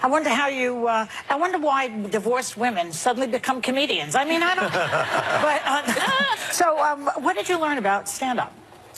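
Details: Adult woman speaking; Normal speech.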